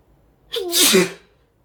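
A single sharp sneeze: a brief in-breath, then a loud explosive hissing burst.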